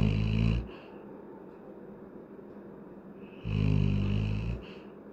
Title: funny adult labrador dog snoring while sleeping , 🤣🤣🤣😪😪😪